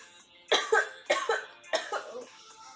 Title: Girl Coughing 395